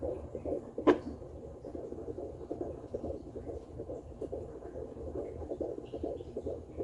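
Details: 15 weeks pregnant mother checking at home with a handheld Doppler in mode 1, low on the pubic area: fast, rhythmic whooshing fetal heartbeat at 145 beats a minute; fetal heartbeat on Doppler.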